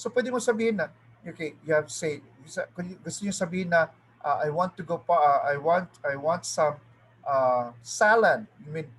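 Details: Adult speaker, teaching role-play; ordinary speech.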